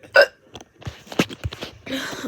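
A sudden sharp voiced gulp followed by soft speech sounds: a hiccup.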